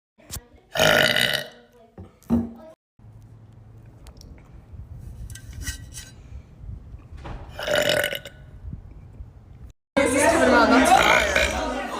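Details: Compilation of girls burping: several loud, drawn-out belches separated by short gaps and quiet stretches; repeated burping.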